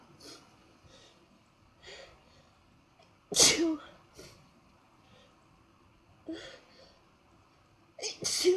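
Two sharp, explosive sneezes between soft puffing breaths; ordinary sneezing.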